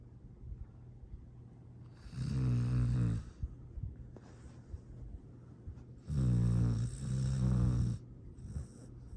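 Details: Two low rumbling snores with a soft rattle, slow and quiet between them, from a sleeping foster rescue dog recorded Dec 13 2022, with faint room noise; ordinary, harmless snoring.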